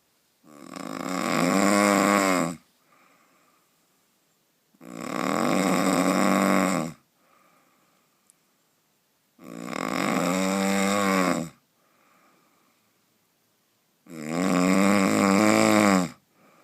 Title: The Most powerful snoring